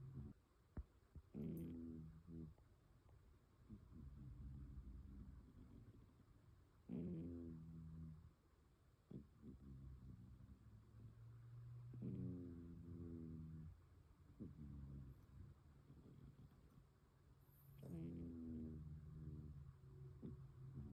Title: A cat sleeping and snoring. #Caturday